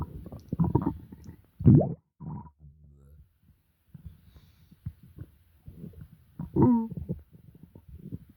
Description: I don't remember what I ate, but my stomach was making some wild croaking sounds.